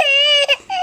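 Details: 4.5-month-old baby boy whose playful fake cough quickly turns into a sad cry, a brief high-pitched sustained wail; he hasn't slept all day.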